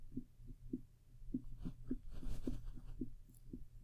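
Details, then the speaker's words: Teaching recording on assessing heart sounds, an abnormal example: rapid heart sounds with unevenly spaced beats and no steady pattern, very irregular and very fast. "Very irregular, very fast."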